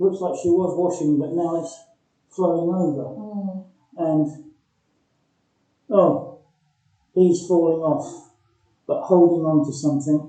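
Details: Male patient with progressive aphasia describing the Cookie Theft picture, fluent but missing key content words, which are replaced by pronouns and high-frequency words; fluent aphasia with word-finding difficulty.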